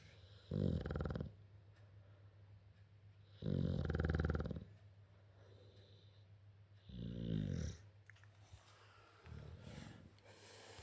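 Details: A sleeping bulldog snoring: loud, low, rattling snores, four in about eleven seconds.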